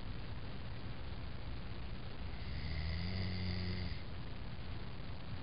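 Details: Man snoring during sleep: a single low, rattling inhaled snore over a constant background hiss.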